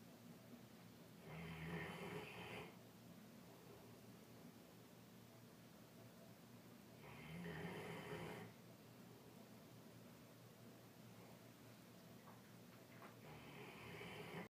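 Slow, low, rasping snores from a sleeping large dog, one every five to six seconds over steady room noise; snoring.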